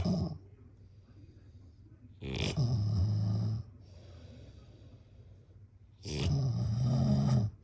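Two long, low, rattling snores on breathing in, about 4 seconds apart, with quiet breathing out between them. Ordinary snoring.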